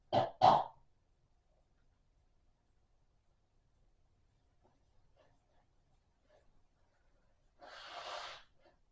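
Two quick, sharp coughs, then quiet and a softer breathy burst near the end.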